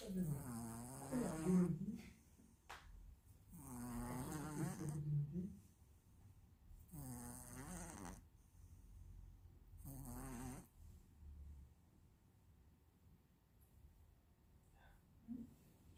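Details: A pet cat snoring, with rumbling, buzzing snores on each in-breath, four in about 11 seconds, then quieter breathing.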